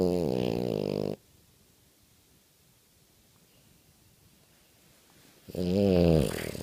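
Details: French Bulldog snoring while sleeping: two loud, rough, vibrating breath sounds separated by a quiet pause.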